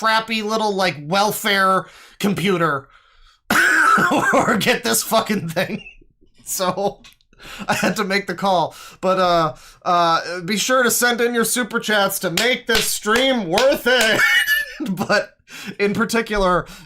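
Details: Adult male speaker; typical speech.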